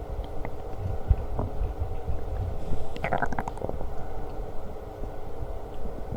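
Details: Person's stomach growling while eating lunch: low rumbling and gurgling with a brief louder burble midway; borborygmi.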